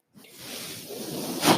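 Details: Breathing cycle of the speaker's own mechanical ventilator, which he points out while talking at the start of a podcast recording; real ventilator sound.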